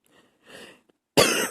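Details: Soft breathy sounds, then one sudden, loud, explosive cough, early morning while trying to keep quiet.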